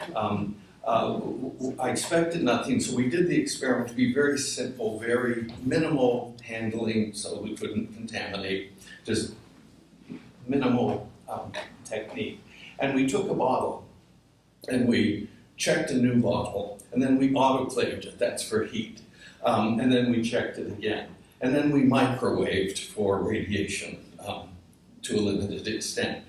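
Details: Adult man whose voice wavers from essential tremor, which his father had in his hands but he has in his voice; essential voice tremor.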